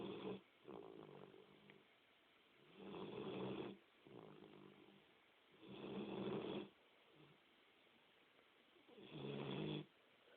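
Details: Slow, regular rattling snores during sleep, about four breaths in ten seconds, with quiet gaps between them in a still room; snoring.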